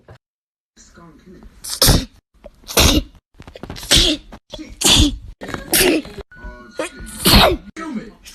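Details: Six sharp, explosive sneezes in quick succession, some with a breathy intake before, with music in the background.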